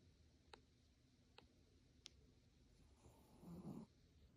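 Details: Napping snuggled in a plush throw: a few faint clicks, then one low, rattling snore on the in-breath over quiet room noise; light sleep snoring.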